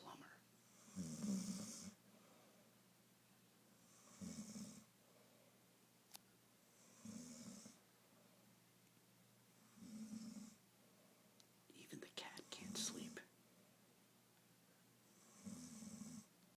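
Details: A woman snoring on her birthday, described as snoring like a plumber: regular low rattling snores, about six in sixteen seconds, with quiet pauses between breaths; ordinary snoring.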